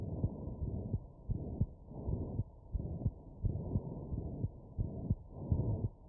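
Heartbeat through a stethoscope at about 88 beats a minute, sharp beats with a rough whooshing noise filling the gaps; an abnormal heart sound.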